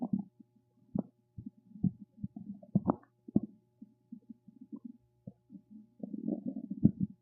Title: RUMBLING STOMACH NOISES #stomachnoises #stomachsounds #stomachrumbling #stomach #guts